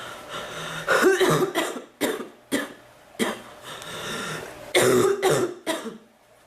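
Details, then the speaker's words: Persistent cough that hurts the chest and back, more the back, and comes and goes; it feels like it is drying up and letting up. Bouts of several harsh, irregular coughs with some throat clearing between them. "it hurts my chest and my back more my back than my chest to cough it seems like it gets better and it gets worse"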